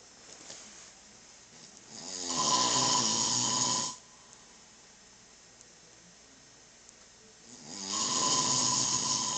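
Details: Father snoring loudly during sleep: harsh, rasping snores on inhalation, two breaths several seconds apart with quiet between.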